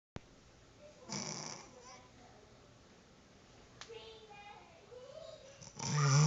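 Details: Girl snoring continuously during sleep, going on for a long time: two rough, rattling snore bursts separated by quiet breathing and faint room noise; ordinary snoring.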